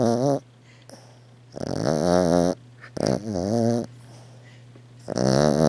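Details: A 13-year-old Maltese dog sleeps deeply, with loud, drawn-out, buzzing snores on repeated breaths over a steady low room hum.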